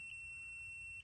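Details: CF500 laser and stim device powered on by a long hold, staying at the default 500 setting: a steady high-pitched electronic tone with two brief beeps at its start and end; button beeps.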